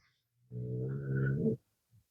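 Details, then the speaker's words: Single loud, low, buzzing rumble lasting about a second, then quiet: a French bulldog snoring on one breath; snoring. "And yes, I'm going a little bit rough. Grogu, you're snoring."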